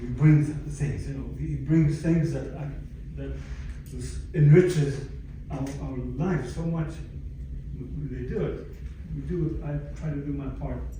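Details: Adult stroke survivor with aphasia from a stroke about 11 years earlier, speaking in a chronic post-stroke recovery phase; finding: aphasia.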